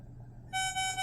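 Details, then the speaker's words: Alaris infusion pump running normal saline at 75 mL/h with the line deliberately clamped: low room hum, then a loud, insistent occlusion alarm after a yellow 'checking the line' standby alarm. "so now it's going to say checking the line as a yellow standby alarm and then it will get angry and be very loudly at us"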